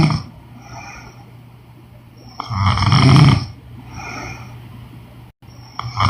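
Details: Woman snoring during sleep: rough, rattling snores with snorting on the breaths in and softer whistling breaths out between them.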